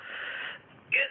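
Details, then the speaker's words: Adult in week 4 of whooping cough, described as improving, with attacks about four times a day: a hissing, strained in-breath ending in a brief high-pitched whoop; inspiratory whoop. "and so that's pretty much what it sounds like at its some moment it's still got a little bit another suite at the end it's quite hard to get in"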